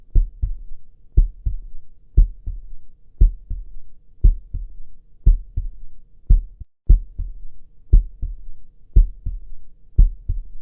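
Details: Heartbeat sound in a Cantonese ASMR sleep clinic roleplay; steady, regular two-part lub-dub heartbeat at about 58 to 60 beats a minute.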